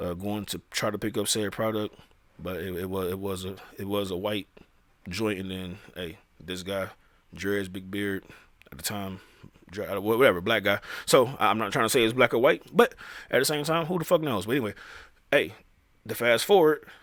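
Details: Adult male who says he stutters; real speech with repeated phrases; finding: stuttering.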